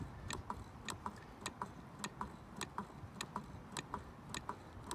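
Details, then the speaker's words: Steady sharp ticking from an AED, roughly 100 to 110 a minute, giving the cadence for 30 chest compressions during adult CPR with an AED. "you will begin your compressions of 30 compressions as we indicated before how you do that in the previous video and it actually uh uh there's a cadence that you can follow as well"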